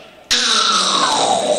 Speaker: oral snores are the kind of people that sound like they've got a ping pong ball stuck in a shot back this kind of like